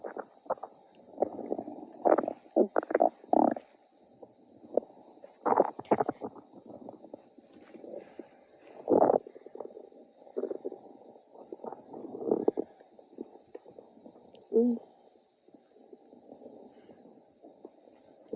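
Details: Irregular bubbling gurgles and low groaning rumbles with a faint steady hiss: stomach growling (borborygmi) in a person who says they are hungry.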